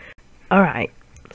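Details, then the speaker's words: A person recording commentary sneezes once: an abrupt, voiced sneeze lasting under half a second, partly held back, in a quiet room. "sorry about that. I just sneezed. I didn't really want you to hear that."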